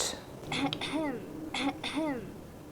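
An adult makes two quick, deliberate throat clears, each a short rasping burst followed by a voiced 'ahem' that falls in pitch: imitated throat clearing.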